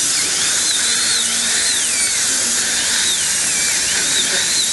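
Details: Steady high-pitched whine of a dental drill with shifting squeal as a cross-cut carbide bur reduces a KOS implant in the patient's mouth after flapless placement, to gain bite clearance.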